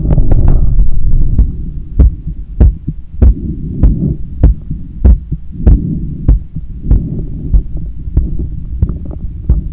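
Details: Own heart sounds via stethoscope after a 10 km run, lying on a daybed turned onto the left side while trying to control breathing: strong, fast thumping at about 97/min with breathing noise underneath; normal post-exercise heart sounds.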